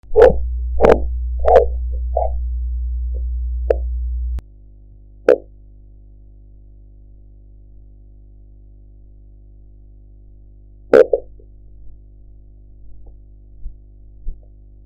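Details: Blood pressure practice recording with enhanced audio: sharp tapping Korotkoff sounds, about 90 a minute, fade out over a few seconds as the cuff deflates.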